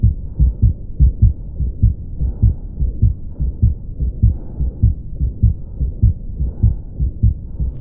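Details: Ventricular septal defect murmur in a child: harsh murmur.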